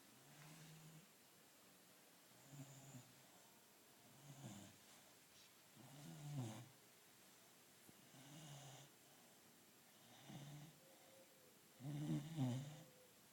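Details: 15-week-old Labrador puppy asleep and snoring, soft low rattling snores about every two seconds on in-breaths, steady and unforced.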